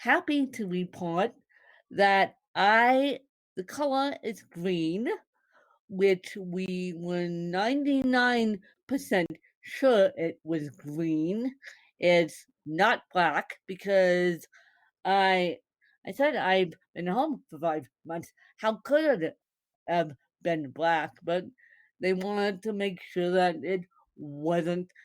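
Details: Woman born with cerebral palsy, speaking; dysarthria associated with cerebral palsy.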